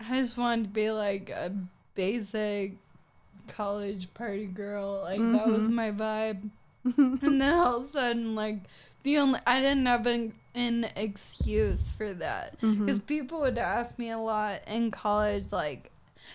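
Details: Ataxic dysarthria in a 26-year-old woman with Friedreich's ataxia, a progressive genetic disease diagnosed at 18; also affects gait and hands, now uses a wheelchair.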